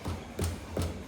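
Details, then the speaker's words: Three evenly spaced chest percussion taps, each with a low, hollow, sustained note: resonant percussion note (sonoridad), contrasted with dullness indicating fluid or mass. "se llama sonoridad. ¿Ya? Sonoridad."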